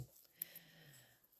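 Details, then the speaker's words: Dog snoring underneath during a live quilting demonstration; snoring. "you can hear the dog snoring underneath"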